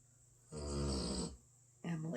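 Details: Basset hound snoring: a low, rumbling snore on one breath in, followed by the start of another.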